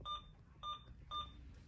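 Three short, clear electronic beeps about half a second apart as keys are pressed on an infusion pump; ordinary keypad feedback.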